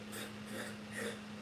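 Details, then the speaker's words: A person imitating a dog's reverse sneeze, described as not dangerous but sounding like choking. Three quick raspy snorting inhalations sound over a steady background hum. "One of my dogs has decided to do the reverse sneeze. Oh, okay, Yeah. Is that what I think it is? Do I know what that is? It's it's not dangerous, but it sounds like they're choking. It's basically the palate flips."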